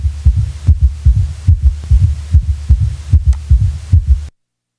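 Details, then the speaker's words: Quadruple rhythm (summation gallop) with third and fourth heart sounds at a normal rate of 60–100 per minute: low, regular heart sounds in clusters of several thuds per beat, a four-sound gallop cadence. "When both the third heart sound and a fourth heart sound are present, with a normal heart rate, 60 to 100 heartbeats per minute, the four-sound cadence of a quadruple rhythm may be heard."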